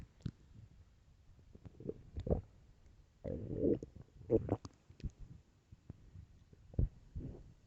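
Irregular gurgling and rumbling bursts with quiet gaps between them: ordinary stomach growling.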